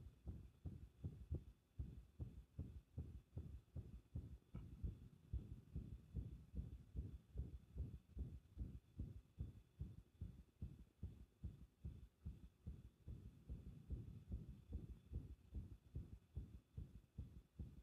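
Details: Fast, muffled heartbeats with uneven spacing, heard with pressure against the chest: an irregular rhythm, an arrhythmia.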